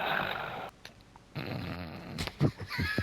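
Loud, rough, rattling snoring noises come through in bursts, with some room noise in the background.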